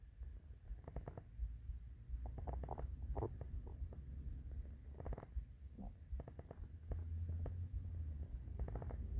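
Low gurgling rumbles with bursts of bubbling clicks, typical hungry stomach growling, a normal gut sound.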